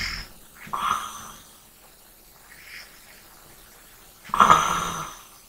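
Two loud rasping breath sounds about four seconds apart, with a soft breath between, in a quiet room: snoring during sleep.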